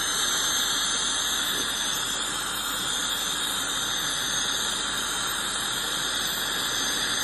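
Steady high-pitched hiss and squeal of dental cleaning instruments, an ultrasonic scaler and air-polisher spraying during a routine hygiene cleaning.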